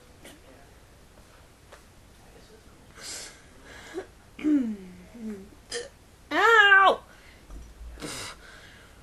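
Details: Several short, abrupt catches of breath mixed with whimpering, moaning voice sounds from a person with persistent hiccups they can't get rid of, during playful webcam recording; hiccups.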